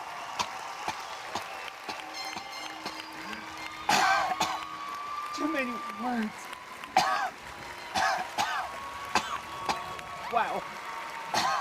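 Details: Several abrupt, harsh, throaty bursts over faint music: simulated, acted repeated coughing and throat clearing by a comedian playing Hillary Clinton in a comedy sketch.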